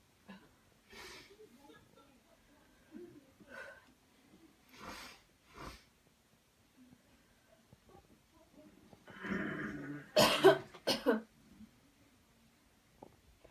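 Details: Demonstration of the cleansing-healing coughing technique after coached counted deep breathing: soft breathy huffs, then a cluster of about three louder deliberate coughs to clear the airway.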